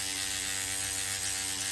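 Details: Continuous fast mechanical buzzing from a motorized microneedling pen, held straight, treating a woman's fatty cheek area after lidocaine removal during a professional facial treatment.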